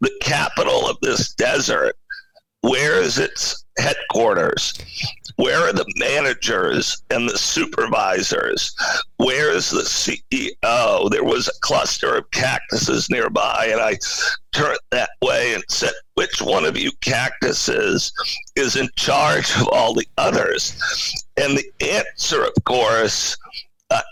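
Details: Adult male CEO with spasmodic dysphonia, a rare neurological voice disorder affecting only speech, with no known cause and no known cure, acquired in 2010; finding: spasmodic dysphonia.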